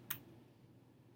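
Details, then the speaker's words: Single sharp tap of abdominal percussion during a physical exam, after inspection and four-quadrant auscultation, percussing for dullness particularly over the liver and spleen areas, followed by quiet room noise. "Percussing for any dullness, particularly around the liver and spleen areas."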